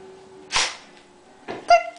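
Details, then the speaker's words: Tessa, a Springer spaniel, gives one sharp, breathy sneeze on command as a learned trick, not illness. "okay this is my girl and she sneezes on command"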